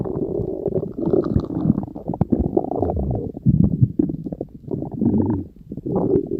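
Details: Continuous gurgling and bubbling rumbles from the belly; ordinary stomach growling (borborygmi).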